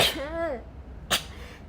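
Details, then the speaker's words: A brief voiced sound then one sharp, explosive sneeze from a young Japanese woman. "くしゃみが止まらない。あ、まだ花粉がなんか目がすごい何も喋れない。くしゃみが止まらなくて喋れない。"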